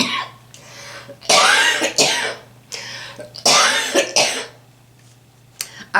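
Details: Repeated harsh coughing fits from an adult woman, several bursts with throat clearing between, in a quiet room; persistent cough from a lingering illness.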